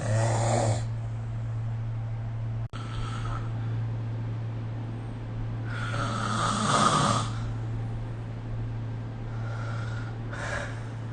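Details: Snoring during sleep recorded with the SnoreLab app: rough, noisy breaths recurring every few seconds over a steady low room hum.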